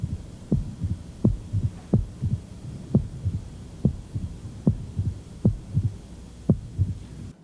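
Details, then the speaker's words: Pericardial knock in a man with a median sternotomy scar, proximal muscle wasting and chest wall moving in during systole, heard at lower left sternal border and further out; a higher-frequency filling sound, heard equally with diaphragm and bell. "is that a pericardial knock that doesn't it doesn't sound like a knock it sounds like a filling sound it's frequency is a little higher so you can hear with a diaphragm and the Bell equal"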